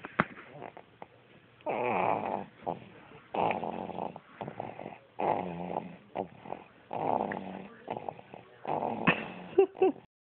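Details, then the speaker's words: Baby snoring during sleep, with parents who also snore: regular rattling, snorting breaths, about six in ten seconds, with a fluttering noisy quality on each breath. "okay so me and Sean snore and it seem to have trickle down to the baby so listen he smells like a grown man it's"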